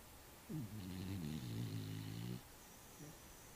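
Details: One rough, fluttering snore of about two seconds on a slow breath in, with a fainter follow-up breath, over low room hiss; snoring.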